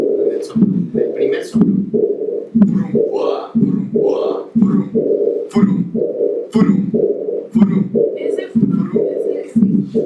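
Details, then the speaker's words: Harvey cardiology simulator at about 60 beats a minute: S1, a rumbling systolic murmur, then a blowing diastolic murmur of aortic regurgitation. "el Fu es el s1 el rum es el soplo sistólico y el fua es el soplo diastólico"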